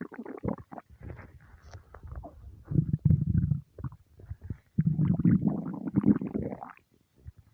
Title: starving stomach rumbles